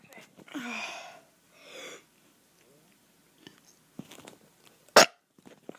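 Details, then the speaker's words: Child burping on purpose, once saying he burped up chili: two drawn-out, rough throaty belches, then quiet, then a sharp loud burst near the end; burping. "ah burped up some chili oh yeah it tastes good doesn't it"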